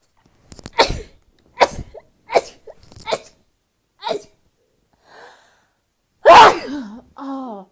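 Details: A person says moving things around and dust in the laundry room make them sneeze, and that it really hurts; a rapid run of about six sharp sneezes, then a louder sneeze with a brief voiced sound.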